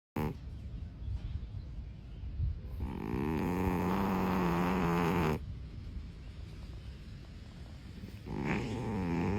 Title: FUNNY SNORING CAT!